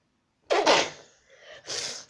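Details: Sneezing while showing a Halloween mask collection: a sharp, explosive sneeze burst, followed by a short breath and a softer second burst.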